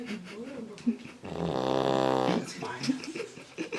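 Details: Sleeping Labrador puppy snoring loudly, first mistaken for a passing motorcycle; loud rattling, fluttering one-second snore amid quieter breathing and nearby voices; owners joke she sounds clogged up.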